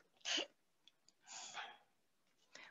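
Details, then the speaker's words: Short, abrupt hissing breaths through a POWERbreathe inspiratory muscle trainer, handle down: a clipped, shortened inhale demonstrating incorrect technique instead of a long, strong, low abdominal breath. "what we do not want is the inhale to be clipped or shortened like this"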